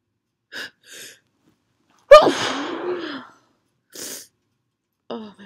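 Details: Perfume-induced sneeze after a big buildup: two short inward catches of breath, then one forceful explosive sneeze with a trailing vocal sound and another quick breath afterward.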